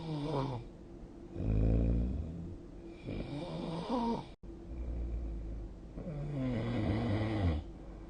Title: 🐽 本日のイビキ / Snoring Sleep Sound 2025/02/09